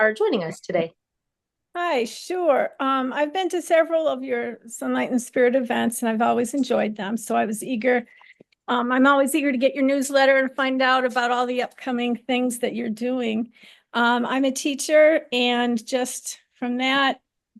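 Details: Adult woman speaking; normal speech.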